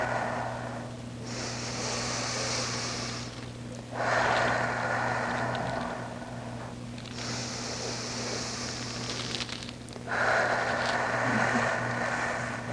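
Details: Stethoscope over the upper right back of a female patient leaning forward and taking big deep breaths during a virtual hospitalist exam: clear, unremarkable normal breath sounds with a steady electrical hum.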